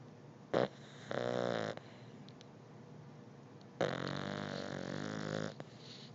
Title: Snoring Beagle puppy!!!